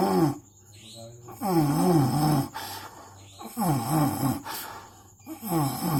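Loud, rattling, groaning sounds recurring with each breath, about 30 a minute; snoring.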